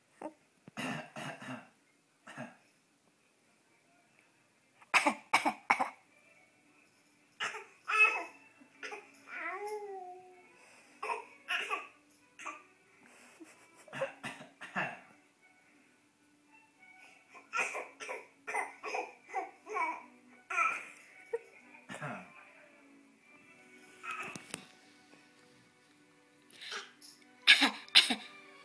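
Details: Young boy's voluntary social cough: repeated short, light, deliberate coughs between quiet pauses and babbling sounds.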